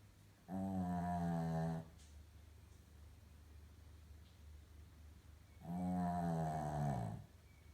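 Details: Maltese/Shih Tzu mix dog with a snoring problem: two long, buzzing, tonal snores on inhalation about five seconds apart over a steady low hum; snoring.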